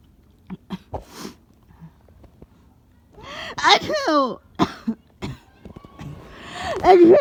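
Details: Person coming down with a cold who also had a nosebleed: several short, sharp cough bursts with throat clearing and a voiced sneeze-like burst in a quiet room. Coughing and sneezing.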